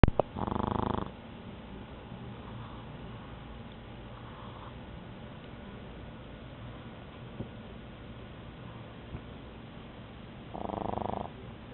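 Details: A sleeping pug dog napping gives two low, buzzing snores about ten seconds apart, with quiet breathing between.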